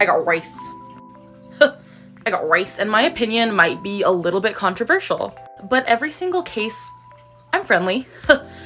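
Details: Woman who says she has Tourette's, with vocal tic phrases interrupting her speech; vocal tics (Tourette syndrome).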